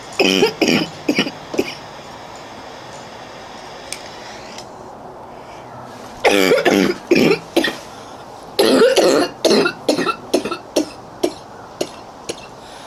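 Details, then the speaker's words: Prolonged coughing fit in a girl outdoors who cannot catch her breath: clusters of harsh, rapid coughs in repeated bursts over about thirteen seconds. "I didn't catch my breath. I'm never going to catch my breath. That was horrible."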